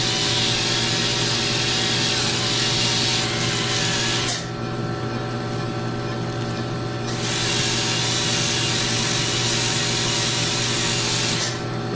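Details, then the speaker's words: Steady low-speed dental handpiece hum with a brief pitch drop while polishing large teeth with prophy paste during a COHAT in an anesthetized patient with gingivitis and slight bleeding; low-speed polishing. "so when you're polishing you may find you have to change the direction that you're actually using the polisher to get a better angle on the teeth"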